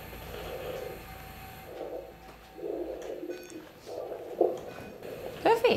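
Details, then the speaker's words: Doppler probe over the heart of a 9-year-old python before eye surgery, since a stethoscope cannot pick up sound through the scales: regular whooshing heartbeat pulses, about 50 a minute, steady rhythm. "we can't actually listen to a heart of a snake with a stethoscope you can't hear it through the scales so we use this machine called a Doppler and we pop it over where the heart is and then we can hear the"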